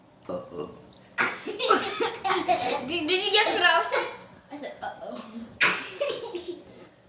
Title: burping laugh fest